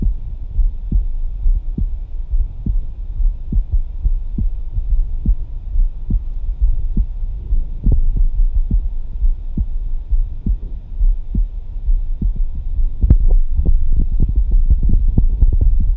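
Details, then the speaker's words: Live stethoscope demonstration: steady, soft heartbeat thuds at about 68 a minute over a low hum, described as smooth, soothing, musical; normal heart sounds. "people have been typing along listening to the smooth sounds of the heart"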